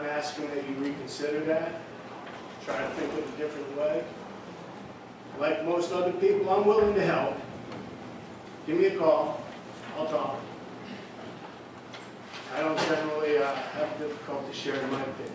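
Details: Adult man speaking; normal speech.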